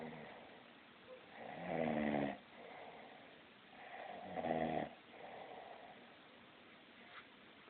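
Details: Man sleeping and snoring loudly, likened to an old car: deep, rough, vibrating snores alternating with softer breaths about every 2.5 seconds, muffled in a quiet room; ordinary snoring.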